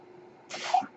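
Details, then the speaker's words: After a quiet pause, a brief airy hiss rises and ends with a soft thump from the male podcaster's own ventilator, heard during his speech; a mechanical ventilator breath. "my name is that noise he carries my ventilator"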